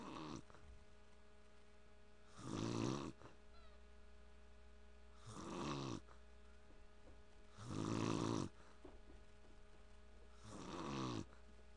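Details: Four rough, rattling snores about every 2.7 seconds, roughly 22 breaths a minute, from a sleeping father over a steady low room hum; ordinary snoring.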